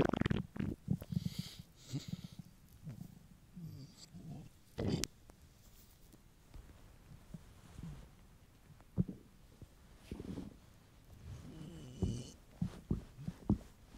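Low rumbling and gurgling stomach noises in irregular bursts; ordinary hunger-related bowel sounds.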